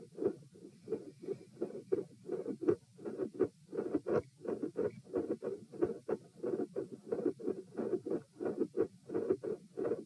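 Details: Heart auscultation at position P during a posture stress test (lie, sit, stand, lie; 72 bpm supine, 84 sitting, 108 standing, 72 supine). Regular heart sounds near 87 bpm with mid-systolic clicks and a split S2.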